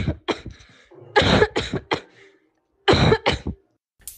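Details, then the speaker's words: Healthy person's normal cough, used for comparison in a report on AI detecting COVID-19 from cough sounds: several short, dry coughs in quick clusters. "klingt ein gesunder mensch wenn er hustet"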